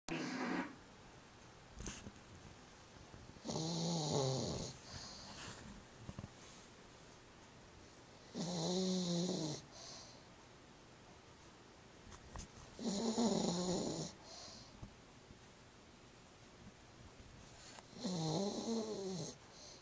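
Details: Rescued female pug, one week after rescue (previously underweight with prominent ribs and backbone), now content: loud, regular, rattling snores on each breath, about 12 a minute, with quiet gaps.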